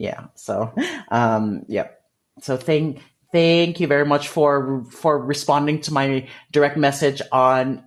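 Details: Adult male with developmental stuttering, which he describes as a speech disfluency; stuttering.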